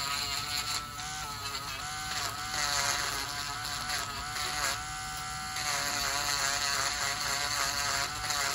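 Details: Steady high whirring buzz of a rotary nail drill, rising and dipping as it grinds down thickened, severely infected fungal toenails of a male patient on dialysis for one year with high blood pressure; lab samples were sent.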